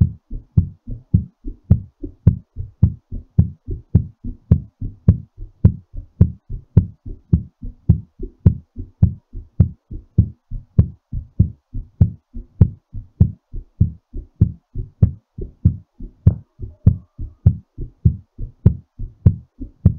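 Strong, regular thumping heartbeat at about 107 beats a minute, fast as the heart recovers after exercise.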